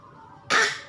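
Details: Child's voluntary, pretend cough: a single short, forced cough burst after quiet.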